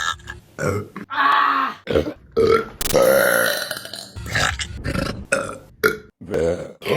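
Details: Burping compilation: a rapid string of loud, voiced belches, some long and drawn out, others short, with brief gaps between them.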